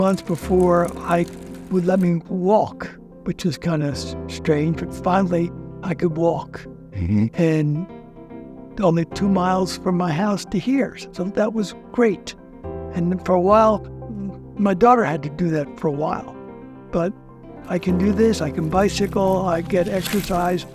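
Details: Person with aphasia after a stroke, in recovery with therapy; aphasia.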